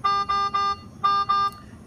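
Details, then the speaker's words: Loud repeated electronic alarm, five beeps in two groups, from an inhaled nitric oxide delivery device during a pre-use purge check, dosing set to 40 ppm with 10 L/min oxygen flow: alarm showing the gas tank is closed. "all that alarm is telling you is that your tank is closed okay which is very helpful if you're actually dosing a patient but in this situation we're just checking the alarms"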